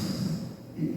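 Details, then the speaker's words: Adult imitates the low, rough snoring snort after a breathing pause in their own repeated sleep apnea, which they say resolved after losing 31 kg in 45 days; they also had hypertension, hyperlipidemia and gout. "들어보셨을 거예요. 제가 늘 수면무호흡이 늘 반복적이었어요."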